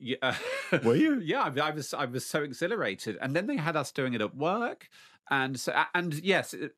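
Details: Adult man, lifelong stutterer, speaking; stuttering.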